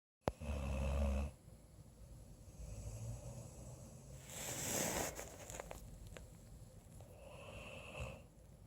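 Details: Snoring while snuggling: soft rumbling snores with faint whistling breaths and some rustling, about 16 breaths a minute.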